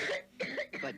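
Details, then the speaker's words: Acted dry hacking cough by a child in a 1975 cough syrup commercial: three short, sharp, dry cough bursts in quick succession. "dry, hacking coughs can irritate your throat, so they need special attention."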